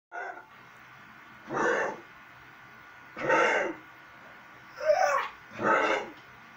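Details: Harsh, noisy coughing from a 13-year-old pitbull, coughing episode 7: four bursts, each under half a second, about a second apart.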